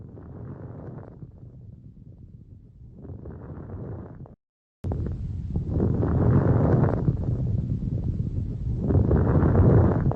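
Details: Anterior chest auscultation with a stethoscope: rushing airflow swelling and fading with each breath, louder after a short gap, with some rubbing noise; normal breath sounds.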